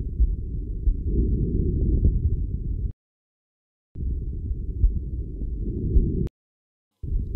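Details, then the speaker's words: Normal vesicular breath sounds in a physiotherapy teaching demonstration: soft, low-pitched, almost exclusively inspiratory rustling with near silence between breaths, from alveolar distension; best heard with deep, slow inspiration, compared on both sides over costal and subaxillary areas. "murmullo vesicular es un ruido casi exclusivamente inspiratorio suave y de tonalidad baja en conjunto tiene dos componentes el inspiratorio más largo e intenso es causado por la distensión brusca de los alvéolos pulmonares por la entrada de aire"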